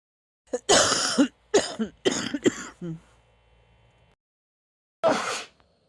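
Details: Person with a cold: a run of short, harsh coughs and throat clearing, then one more cough after a pause; cough.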